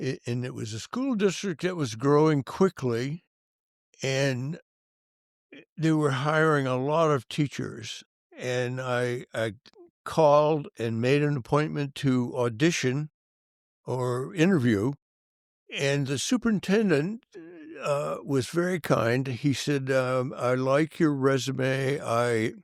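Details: Adult man with stuttering that was severe in youth and that he says persists into adulthood; stuttering.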